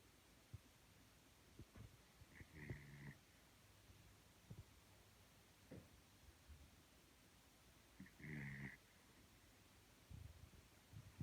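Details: Soft snorting snores at about 10 breaths a minute from a sleeping small dog, with a quiet background hiss; ordinary sleep snoring.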